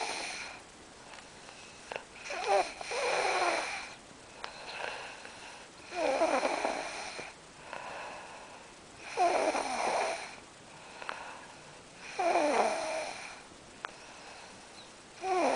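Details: Person snoring during sleep: rattling, whistly snores on each breath in, about 20 breaths a minute, with quieter breaths out between.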